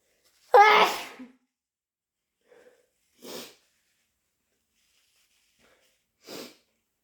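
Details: Induced sneezing: one super loud, harsh, wet sneeze, then two softer sneezes several seconds apart in a quiet room.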